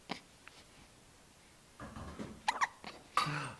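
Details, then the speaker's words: Baby with hiccups: short, abrupt little hic sounds at uneven intervals amid soft breathing and fussing in a quiet room; infant hiccups. "have the hiccups. What happened? Baby hiccups."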